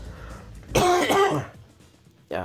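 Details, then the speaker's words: Single loud cough with throat-clearing quality from an adult recovering from a bronchitis-like illness. "I do apologize for that cough. You'll hear it more than once. I am getting over the haunt crud."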